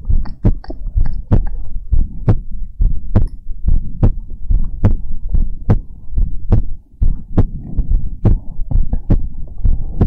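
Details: Heartbeat sounds in an ASMR recording. Normal heartbeat.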